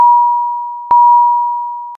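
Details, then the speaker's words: Philips Efficia DFM100 defibrillator/monitor high-priority alarm, warning of a life-threatening condition such as asystole or ventricular fibrillation needing immediate response: steady high-pitched tone restarting sharply about once a second. "a high priority alarm warns of a life-threatening condition such as asystole or ventricular fibrillation and requires an immediate response the alarm message displays with a red background and sounds like this"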